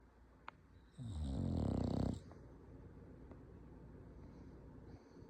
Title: Dog snoring